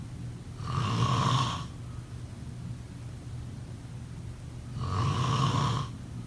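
Two steady, rumbling snores about four seconds apart over a quiet room hum. Regular sleep snoring.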